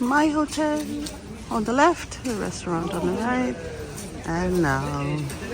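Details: Adult man with intermittent vocal fold paralysis, which he calls part of his disability, treated with speech therapy and getting a little better; shaky voice; vocal fold paralysis.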